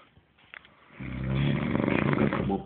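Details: A quiet start, then a loud, rough, rumbling snore with a low throaty growl during sleep, over background music.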